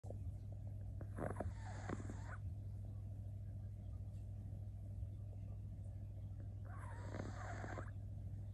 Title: Dog sleeping on the stairs 😋 Funny dog video, Cute pug snoring 😴